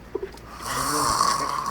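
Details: A single rising, rattling snore that builds over about a second; ordinary snoring.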